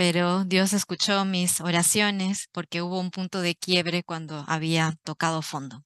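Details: Adult woman, Spanish interpreter; typical speech.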